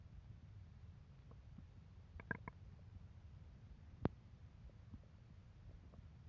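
Quiet, irregular gurgles and squelching pops over a faint hum; hunger-related stomach rumbling.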